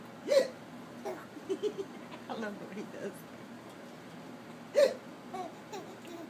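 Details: Infant boy laughing at his own hiccups, with deep chest movements: repeated sudden short hiccup sounds, about seven in six seconds, some with a small squeaky catch.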